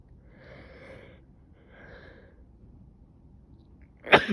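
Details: Sneeze from a person with a probable cold, plus stuffy nose, coughing and severe headache since waking, and now fever. Two audible indrawn breaths, a pause, then one abrupt loud sneeze.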